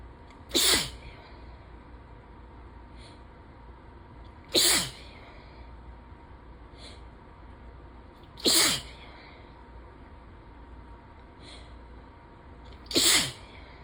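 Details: Sneezing fit from ragweed-season allergy: four loud, sharp sneezes a few seconds apart, with soft breaths between and rain in the background.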